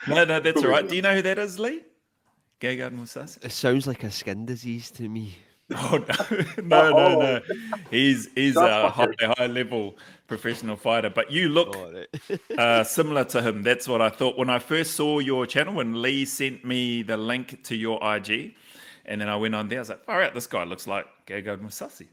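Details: Adult man; normal speech.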